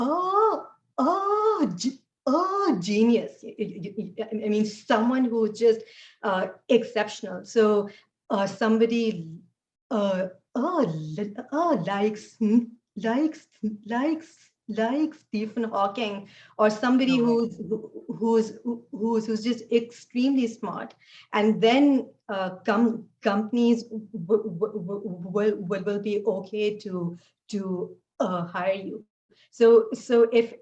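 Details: Adult woman who stutters, speech made harder today by fasting and poor sleep, with repetitions, interjections and pauses; stuttering.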